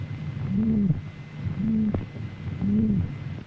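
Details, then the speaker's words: Rheumatic heart disease after rheumatic fever: regular heart sounds near 58 a minute, each beat carrying a humming, musical murmur from a scarred rheumatic valve. "faulty valve operation gives the rheumatic heart a characteristic sound called a murmur"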